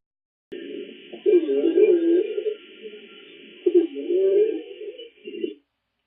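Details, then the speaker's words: Low-pitched, long, continuous rumbling musical sounds over several breaths, with faint background music, taught as caused by airflow turbulence and secretions in large airways, mainly expiratory; rhonchi. "os roubos são ruídos longos graves gerados pelo turbilhão aérea espuma com a movimentação demolidas algumas das linhas aéreas"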